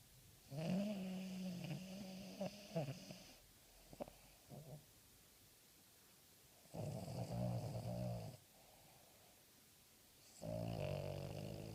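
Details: Loud, rumbling snores from a sleeping Terrier dog, tired the day after Christmas, in three long bursts separated by quiet pauses, with softer snorts between; snoring.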